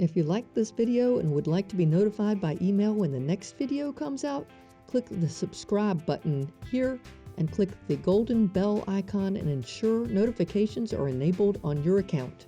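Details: Adult speaker; ordinary speech.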